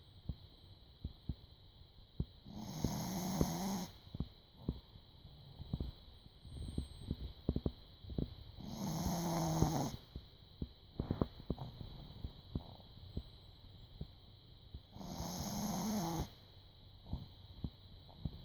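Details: Dog asleep curled tightly under a person's folded legs on a couch, with three rough, drawn-out snores about six seconds apart (roughly ten breaths a minute) and soft clicks between; loud snoring.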